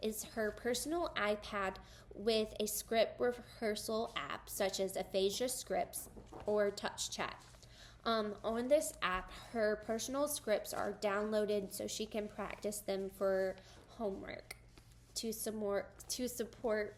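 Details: Adult woman speaking; typical speech.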